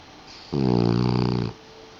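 One loud, buzzing, rattling breath lasting about a second, a typical snore from a sleeping dog.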